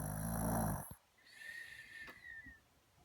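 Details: Person snoring like a cartoon bear: one loud, deep, rattling snore followed by quieter breathing and a faint whistling noise; snoring.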